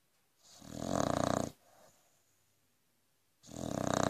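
Loud, rattling snores on each inbreath, about 15 breaths a minute, with quiet pauses between; heavy snoring in a flat-faced dog.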